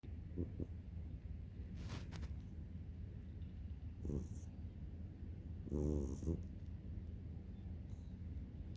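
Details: Soft, low rumbling breaths with brief rattling snorts from a sleeping cat, over steady room noise; snoring.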